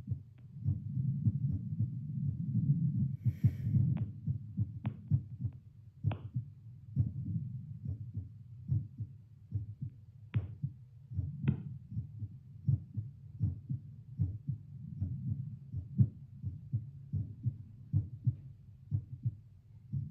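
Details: Seated resting baseline of own heartbeat via Littmann CORE stethoscope played to speaker, after about two cups of coffee, pulse oximeter about 78 bpm: steady low thumps with rubbing noise; normal resting heartbeat.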